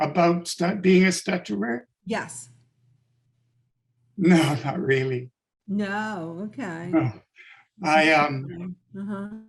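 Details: Adult man with late-onset stuttering from functional neurological disorder; five years ago woke unable to speak with up to 20 seizures daily; speech regained but not fluency; adult-onset stuttering.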